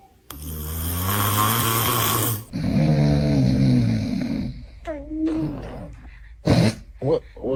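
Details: Snoring from a dad, with a baby reacting: groaning, throat clearing and laughter around it.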